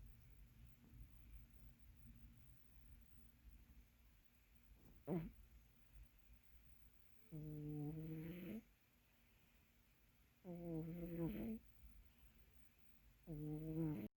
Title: Today's Zen Moment: 30 seconds of a fat cat snoring